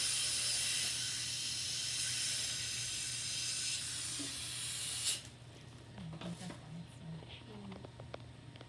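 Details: Loud airy hiss of a high-speed dental handpiece with spray for about five seconds while removing decay during a composite restoration demonstration, then it stops, leaving quiet room sounds.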